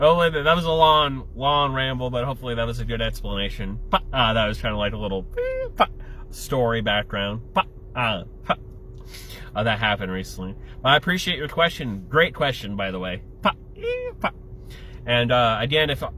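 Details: Adult male with Tourette syndrome whose tics include flicking off and yelling the F-bomb; vocal tics (Tourette syndrome).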